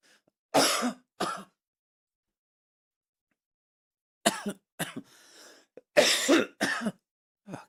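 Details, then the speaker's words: Streamer coughing during a live stream: two short coughs, then after a pause a cluster of harsh coughs and throat clearing, about six bursts in all, in a quiet room. "Let's see if I just spend the whole 3 minutes coughing."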